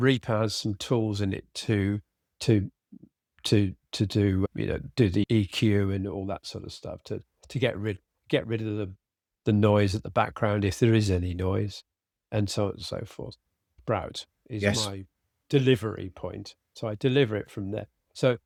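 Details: Adult man with aphasia after a sudden stroke, treated with speech therapy and his wife's flashcard practice; he cannot read scripts and tires later in the day. Finding: aphasia.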